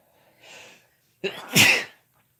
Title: Sneezing together (M+F)